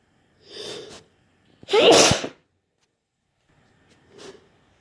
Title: more wet sneezes